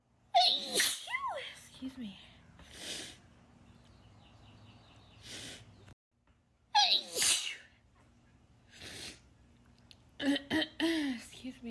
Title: overcome by sneezes